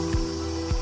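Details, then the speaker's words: Demonstration, not a patient: an AirPhysio oscillating positive expiratory pressure (OPEP) device attached to a clear tube modelling a mucus-blocked bronchial tube, producing rhythmic pulses of air that vibrate the mucus loose. "These gentle pulses help remove the mucus from your airways."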